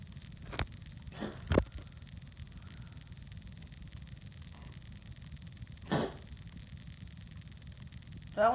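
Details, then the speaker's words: Cat with a cough, several short scattered coughs amid quiet room noise, part of an ongoing coughing fit. "okay, buddy? Did you get it out? Nope. You got a little mucus? Oh, sweetheart."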